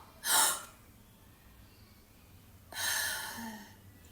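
Sharp gasping breath, a silent pause of about two seconds, then another noisy breath: apnea during sleep.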